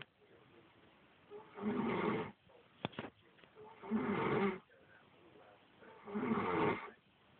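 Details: Loud, rattling snores on each in-breath, about three in seven seconds, with quiet breathing between; adult woman (ex-wife) snoring.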